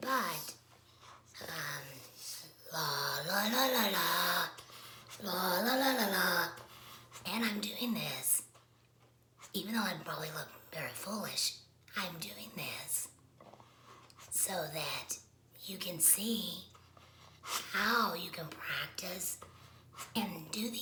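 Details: Adult woman speaking; tracheoesophageal speech after laryngectomy.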